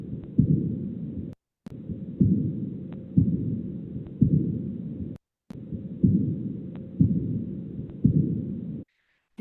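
Regular heart cycle near 60 a minute; each sharp second sound trails off into a soft fading blowing murmur, a decrescendo diastolic murmur of aortic regurgitation.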